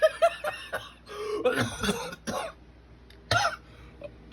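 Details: Several short coughs and throat clearing from an adult, breaking up after a bout of laughter.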